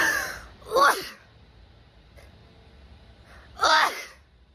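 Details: Woman sneezing with flaring nostrils after feeling an itch: two forceful sneezes, each a sharp in-breath then an explosive burst, separated by a quiet pause.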